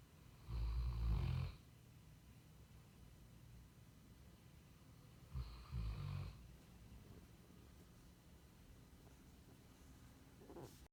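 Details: Deep rumbling snores from a sleeping Cane Corso dog, two breaths about five seconds apart; ordinary snoring.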